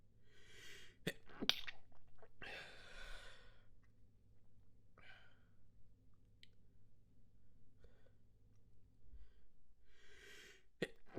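A run of muffled, held-back sneezes with breathy catches and sniffs in between; a stifled sneezing fit.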